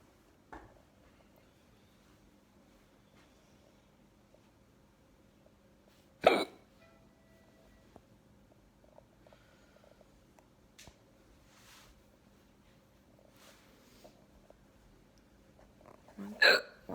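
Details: Person with hiccups in a quiet room with a steady hum: two sharp, sudden hiccup sounds several seconds apart.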